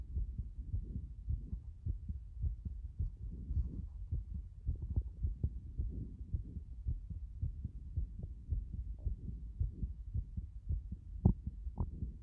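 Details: Fast, somewhat uneven low heartbeat at roughly 110 beats a minute over muffled background noise; the person says their heart has been like this since this morning.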